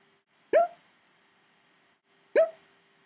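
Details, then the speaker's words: Two abrupt, brief gulping squeaks about two seconds apart on a quiet background, from a person who says he gets hiccups all the time; hiccups. "I have the hiccups yep yes yeah yeah I get them all the time it sucks"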